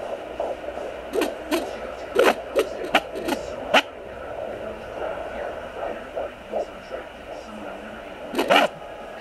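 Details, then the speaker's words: Steady Doppler hiss broken by loud irregular thumps and scrapes: the baby kicking and moving at 13 weeks of pregnancy, picked up by a home fetal Doppler placed just below the stomach. "as you can tell the baby keeps moving and that noise is actually the baby like kicking or moving around in"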